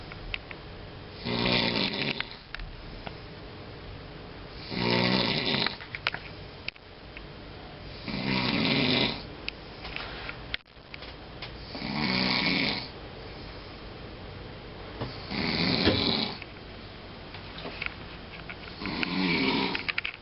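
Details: Snoring: regular rough, rattling breaths at about 17 a minute, with quiet gaps between them; steady snoring.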